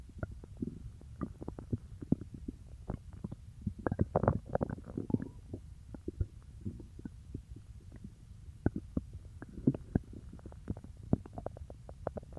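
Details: Stomach growling after eating peanut butter: quiet, frequent gurgles and pops from the abdomen, clustering at times; borborygmi.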